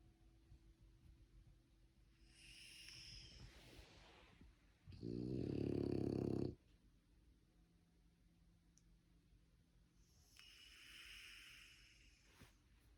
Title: French bulldog sleeping and snoring